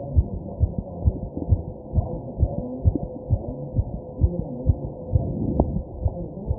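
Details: Fast, regular low heartbeat thumps about 130 a minute under a steady background hum; the recording person's own fast heartbeat while taking deep breaths (tachycardia).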